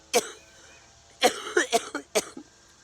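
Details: A single cough, then a quick run of four or five harsh coughs, from an adult woman with cystic fibrosis. She reports tight lungs and uses oxygen and IV treatment, and her sputum culture showed unexpected new bacterial lung infections.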